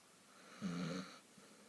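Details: Person or animal snoring: a single short snore with a rough, slightly whistling tone; snoring.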